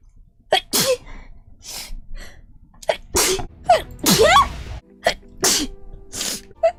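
About eight sharp, explosive sneezes come in quick succession, some with a short voiced 'ah' lead-in. This is a run of repeated sneezes.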